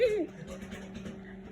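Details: Dog at 3am, during an episode of hiccups; brief vocal burst, then steady rapid panting with a low whine underneath: panting.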